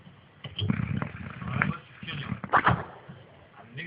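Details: Old Boxer dog sound asleep, snoring: two low, rumbling, fluttery breath sounds with faint television talk in the background.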